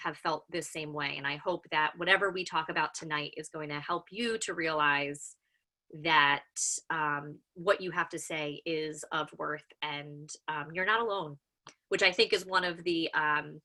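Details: Self-identified person who stutters; the speaker says listeners can hear the stuttering in their pauses and repetitions. Finding: stuttering.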